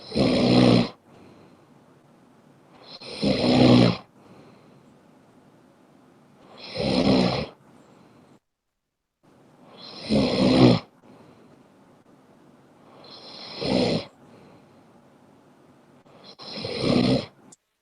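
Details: Snoring in sleep: six loud, rattling snores about 3 seconds apart, near 18 breaths a minute, with quiet gaps between; regular snoring.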